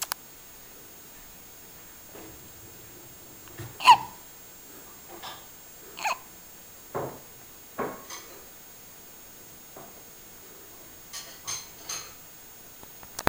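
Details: Newborn girl, 5 days old, hiccuping: about ten soft, abrupt hiccup sounds every one to two seconds in a quiet room.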